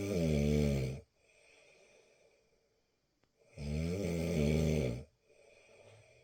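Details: Two loud, deep, rattling snores on the in-breath, separated by quiet pauses: heavy snoring.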